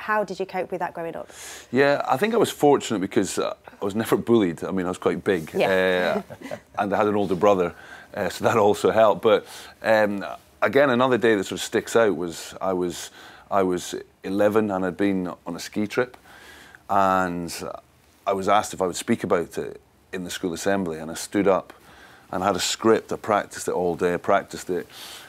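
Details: Stuttering (stammering) in an adult man since childhood, severe enough that he could barely talk for his first 15 years; he still masks it and uses pauses to regroup.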